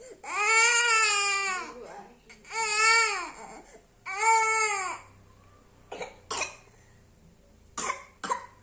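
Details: A young child cries in long wails, then gives a few short dry coughs; a cough in a crying child.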